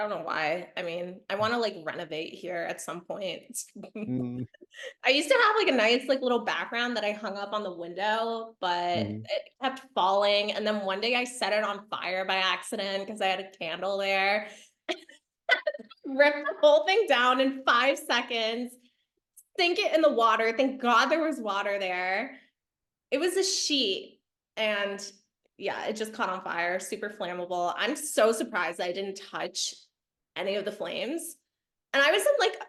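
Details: Adult woman speaking; Normal speech.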